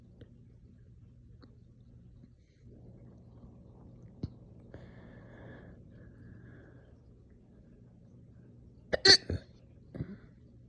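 Quiet room, then a short cluster of forceful hiccup-like bursts with burp sounds near the end. Hiccups with belching.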